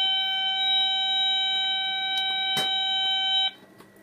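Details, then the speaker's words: Long, sustained, high beep that then stops, with no screen message: HeartWare LVAD controller critical alarm when both power sources are disconnected, leaving no power to the pump, demonstrated in an inservice. "if you accidentally disconnected both power sources gives you a long sustained beep you can see there's no message on the screen and that's because there's no power to the pump"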